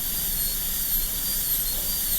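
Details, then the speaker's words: High-speed dental drill on a typodont model tooth during a Class II mesio-occlusal prep of lower tooth #30, cutting straight in after setting facial-lingual margins; steady high-pitched whine over low room hum. "And when you have the margins facial-lingually where you want them, then cut straight in."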